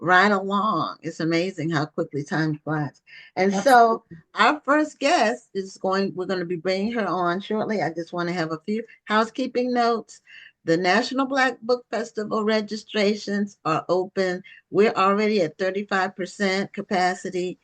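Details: Adult woman speaking; normal voice.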